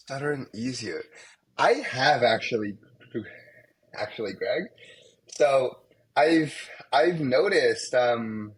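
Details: Young adult male medical student who has stuttered most of his life, with blocks, especially on his name, and sound repetitions; stuttering.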